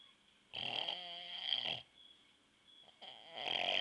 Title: dad snoring (4)